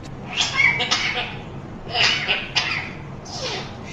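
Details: African grey parrot imitating a human cough and cold: several short, raspy, hissy cough-like bursts.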